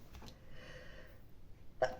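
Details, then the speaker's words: Speaker warns of being about to sneeze: a soft, drawn-in breath, then a single brief, muffled burst of air, a small stifled sneeze in a quiet room. "Alors, ce que tu ancres ici, c'est la fidélité à ton équilibre dans tous les domaines, d'accord. Avec la stérilité, ce que j'entends, c'est... tu vois, on voit... alors, attends, je vais éternuer, excuse-moi."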